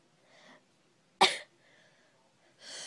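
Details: Girl giving a single sneeze: a quick breath in, then one sharp explosive burst followed by breathing.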